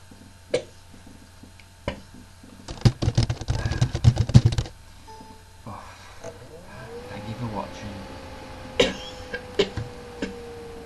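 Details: Simulated (acted) coughing from a short art film: a burst of several rapid, harsh coughs mid-clip, with a few isolated sharp sounds and faint room noise around it.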